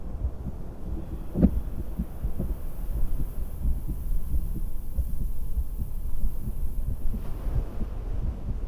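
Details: Woman's own heartbeat by stethoscope while sitting on a beach-house porch: soft, regular thumps about 90 a minute, partly buried under wind and ocean surf rumble; normal heart sounds.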